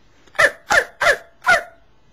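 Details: Adult woman with Tourette syndrome, chronic tic of screeching with face in hands when very tense, also barking and saying "cricket"; phonic tic.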